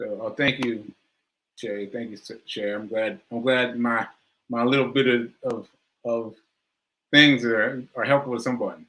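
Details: Aphasia in an adult speaking live, who says it was affecting their speech that day.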